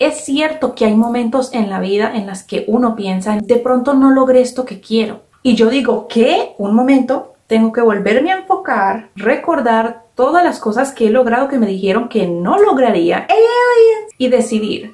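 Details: Adult woman diagnosed with Tourette syndrome at 19, with shouted vocal tics and repetitive hand, eyebrow, eye and lip movements, who also has hearing loss and wears hearing aids; vocal tic heard; Tourette syndrome.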